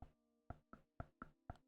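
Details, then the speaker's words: Adult voluntarily subluxes jaw on command, painless, able for years, also reports joint hypermobility; six sharp dull pops in under two seconds as jaw slips partly out and back: temporomandibular joint clicking. "That's my jaw popping in and out. I can do that on command. Been able to do that for years and years and years."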